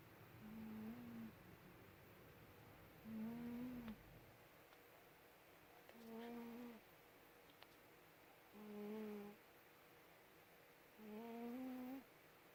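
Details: Cat snoring while asleep: soft humming snores on each breath, about five in twelve seconds, in a quiet room.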